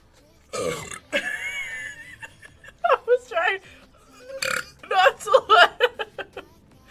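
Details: Female Twitch streamers burping: several loud, drawn-out, croaky burps in a row, mixed with laughter, "excuse me" and brief talk.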